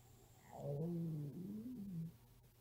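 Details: Hungry 13-year-old girl's stomach growling: a low, drawn-out gurgling rumble with shifting pitch lasting about a second and a half; ordinary borborygmi from hunger.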